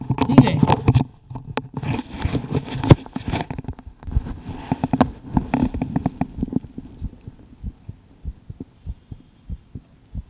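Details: Regular low thumping heartbeat heard through the bell of an acoustic stethoscope with a mic inside, handling rustle at start; ordinary heart sounds.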